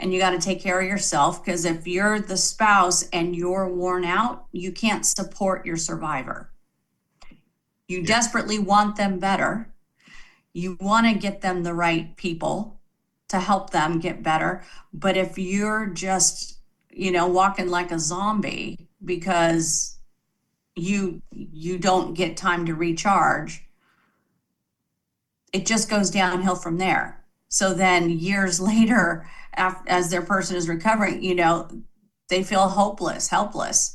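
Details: Adult female speaker; normal speech.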